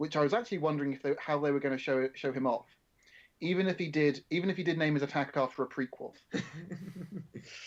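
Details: Adult male speaker; normal speech.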